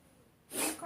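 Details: Kitten with a congenital allergic cough: after a quiet moment, one short, harsh, hissing cough burst.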